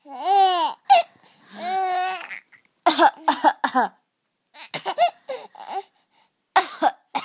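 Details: Young boy gives short, deliberate fake coughs, mixed with high, voiced laughing and babbling because he thinks coughing is funny; voluntary cough.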